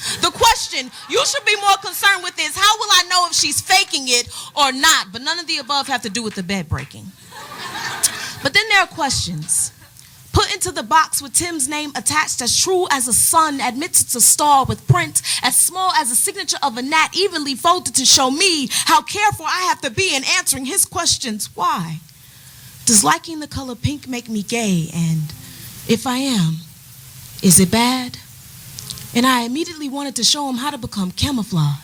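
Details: Adult woman speaking; normal speech.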